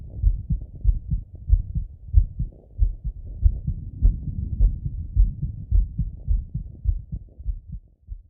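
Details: Male, self-auscultation with a stethoscope after a workout set: fast, strong heartbeat at roughly 100 beats a minute with some rubbing noise; normal heart sounds after exercise.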